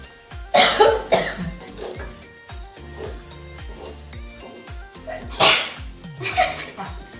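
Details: A person eating very spicy food at a cook-off: sudden explosive coughs and sneezes in short bursts over background music; cough and sneeze fits.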